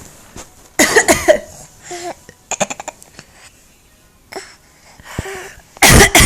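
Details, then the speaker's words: Young child imitating a "bad cough" on request: several short, forced, playful coughs mixed with adult voices; a pretend cough, not an illness cough. "I have a bad cough you have a bad club that's my back off him back home Oh bad that's bad really bad"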